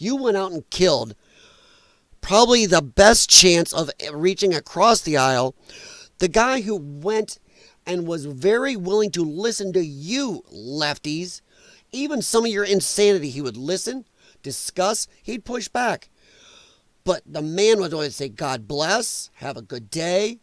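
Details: Dysphonia in a male speaker, who attributes it to vocal cord damage from infections related to his lung problem; he formerly sang in show choir and regards it as a disability.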